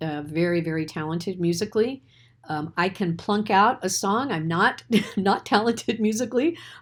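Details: Adult woman speaking; ordinary speech.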